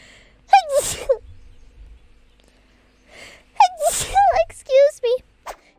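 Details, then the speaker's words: Adult woman's two loud, high-pitched sneezes, each a sharp voiced burst with a squeaky tail, followed by brief vocal sounds; she says her sneezes have always been this loud. "you train yourself to sneeze that accurately or has always been it's always been like that"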